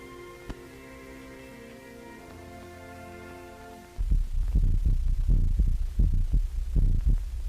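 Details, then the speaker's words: A few seconds of music, then loud, muffled low heart thumps with a steady hum, amplified through an electrical stethoscope so a whole room can listen at once, in a 1929 animated film. "electrical stethoscope has changed all this for the better a whole room full of students or Consultants can now listen to the same heart or body sounds at the same time"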